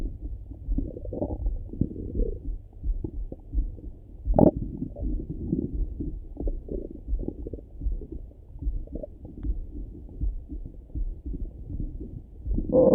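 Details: Morning stomach rumbling heard through a stethoscope: continuous low gurgling and rumbling with bubbling pops, normal active bowel sounds (borborygmi).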